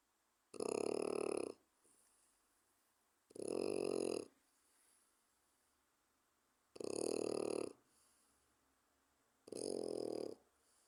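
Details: Kuzu, a 4-month-old French Bulldog puppy snoring loudly in sleep: four rattling snores about every three seconds, roughly 20 breaths a minute, with quiet exhalations between.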